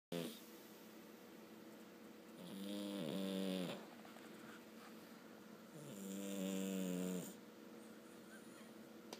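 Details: Cat snoring during a long sleep: two long, fluttering snores about four seconds apart with quiet gaps, roughly 17 breaths a minute; female cat.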